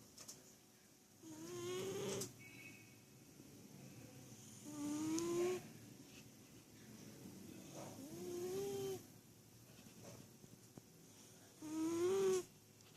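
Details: Soft, slow rhythmic snores with a tonal whistling edge on each breath, about 18 a minute, in a quiet room; ordinary sleep snoring.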